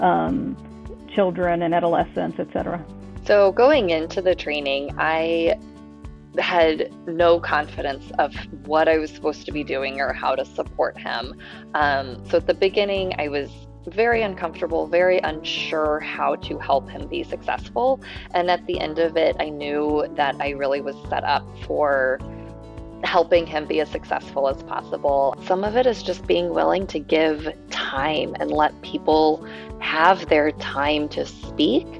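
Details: Adult speaker, likely female, with background music; normal fluent speech.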